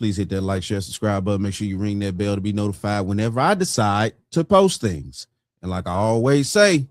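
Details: Adult male speaker; Normal speech.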